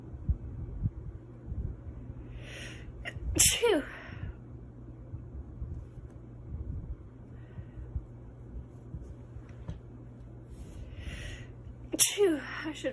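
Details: Woman stifling sneezes: two sharp, muffled sneezes, each preceded by a quick breath in, over low room hum.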